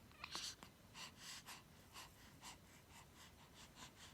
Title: 7 weeks old baby boy hiccup and asking for milk